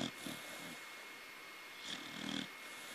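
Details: Young corgi snoring: two short rattling, snorting breaths over room hiss; light snoring.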